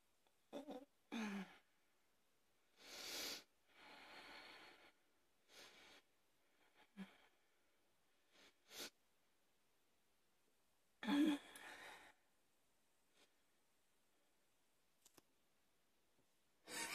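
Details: Afternoon coughing fit in an adult: several harsh, explosive cough bursts with quiet gaps between them, a run of hard coughing.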